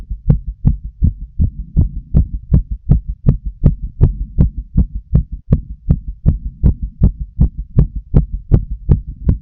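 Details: Adult female smoking a cigarette, full heart auscultation through a stethoscope: strong, regular lub-dub at about 80 beats a minute with clear first and second heart sounds.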